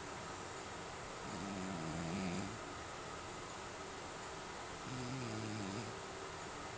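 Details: Sleeping cat recorded on an Android phone: two soft, low rumbling snores over a steady background hiss, each lasting about a second; cat snoring.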